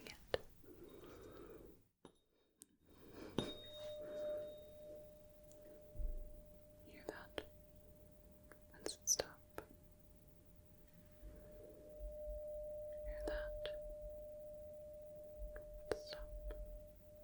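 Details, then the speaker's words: Simulated medical exam (ASMR role-play): struck tuning fork tone for a Rinne hearing test, placed on the bony mastoid process behind the ear, then moved in front of the ear, until no longer heard. "so now I am going to strike the tuning fork and put it on the Bony process behind the ear and then you just tell me when you stop hearing it"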